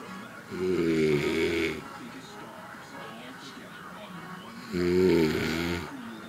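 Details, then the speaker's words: Old man asleep, son suspects he is drunk again, giving two loud, long, rattling snores about four seconds apart with quieter breathing between; heavy snoring. "hmm and that was my dad snoring rate comment comment"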